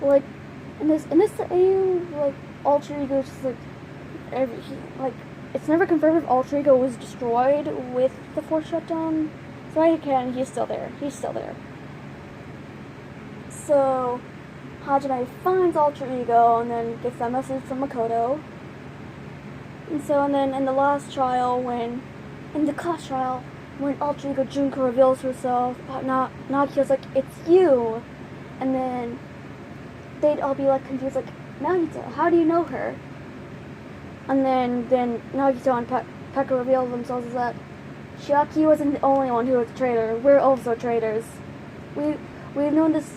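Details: Stuttering in a female speaker who says her stutter has gotten worse; stuttering.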